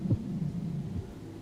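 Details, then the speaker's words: Simulated virtual-reality patient, heart heard by stethoscope: a very slow heart rate (bradycardia); the examiner wonders whether a third-degree block or a STEMI might cause it. "what's the first thing you notice about listening to this heart tone that is slow af my friend"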